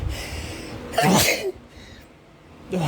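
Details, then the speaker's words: Male sneezing from pollen pulled indoors by box fans after the home AC broke; a loud explosive sneeze after a short inward breath, then another beginning at the end; allergic sneeze. "so ac in my house has been out for a little while and we've had fans pulling in air uh from the outside to keep us cool like bike box fans but it's also pulling in pollen and a bunch of other stuff"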